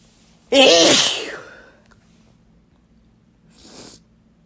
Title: Wet Sneezes M